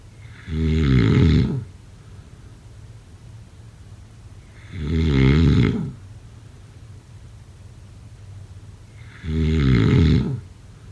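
Three loud, deep, fluttering snores roughly every four to five seconds, about 14 a minute, with quiet pauses between. Heavy snoring during sleep.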